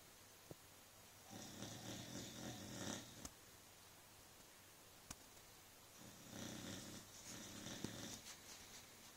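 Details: Dog snoring: rough fluttering snores in bursts of one to two seconds with quiet gaps and a few faint clicks.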